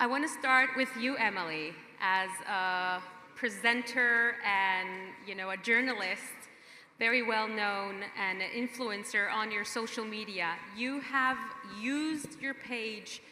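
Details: Adult woman speaking; normal voice.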